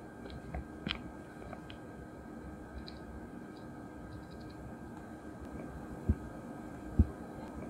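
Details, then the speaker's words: Manual blood pressure with the stethoscope diaphragm over the brachial artery at the antecubital fossa while the cuff slowly deflates: a faint hiss, then two soft taps, the first Korotkoff sounds marking systolic pressure near 90. "inflating up and slowly releasing with the valve turned and listening out for the first noses which the systolic pressure"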